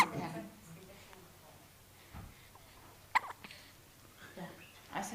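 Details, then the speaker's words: Infant hiccups: brief, sharp hiccup sounds, about three in five seconds, against quiet room noise. "Hiccups? You have you have hiccups? Ah, what is going on?"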